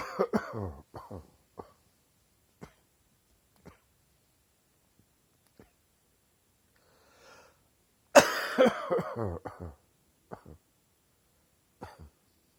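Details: Adult with a chesty morning cough: two harsh coughing fits with wet, rattly bursts between quiet pauses, a productive chesty cough.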